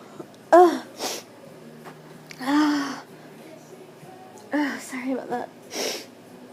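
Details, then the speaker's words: Repeated sneezing that began after going outside, which the person suspects is an allergy: several sharp sneezes, each with a voiced wind-up before the burst and quiet gaps between. "I didn't really Start until I went outside so I'm guessing there's just something something out there that I'm allergic To"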